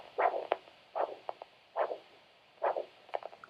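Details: Normal triphasic Doppler arterial signal over ankle artery at podiatry new-patient assessment: three-part pulsed beats indicating good vessel elasticity.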